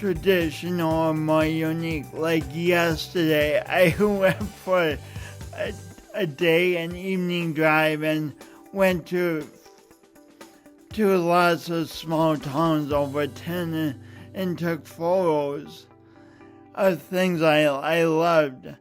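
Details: Woman with a speech impediment caused by a birth injury; speech impediment.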